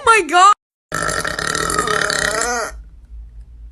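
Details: A girl makes a short vocal sound, a pause, then one long, loud, rumbling belch lasting about two seconds; ordinary burping.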